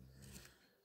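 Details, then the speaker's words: A single low, rumbling, raspy breath, like an engine noise, from a sleeping dog, a snore that fades out: snoring. "alors c'est pas un bruit de moteur que vous entendez c'est Sakura qui est en train de ronfler"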